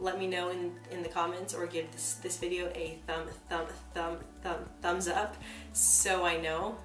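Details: Woman who identifies as a person who stutters, heard with word and part-word repetitions; stuttering.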